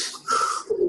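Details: A brief, low, rattling snort of snoring, followed by steady hiss, from a sleeping man; obstructive sleep apnea, he struggles to breathe with pauses, heart reportedly stopping for 10 seconds.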